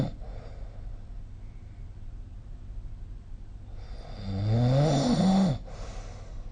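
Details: Snoring recorded during sleep with the SnoreLab phone app: quiet breathing, then one rough, rattling snore lasting over a second on the in-breath.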